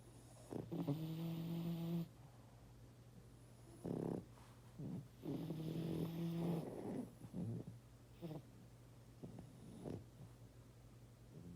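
Low, buzzing snore sounds with a faint hum between them, irregular and rattling, typical of a sleeping animal snoring.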